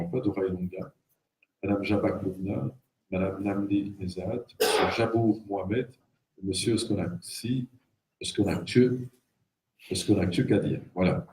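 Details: Adult man reading aloud; normal voice.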